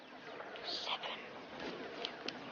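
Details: Acted portrayal of an 11-year-old boy in a TV drama with hysterical dysphonia of a few months' duration, no physical cause found, stress after his parents' breakup and moving house and school suggested as trigger: psychogenic dysphonia (whispered voice)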